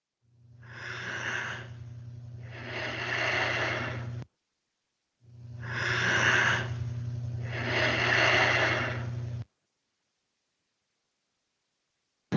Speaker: A continuación tenemos la oradipnea, que es un patrón de respiración con baja frecuencia y se ve en condiciones como obesidad y alcoholismo.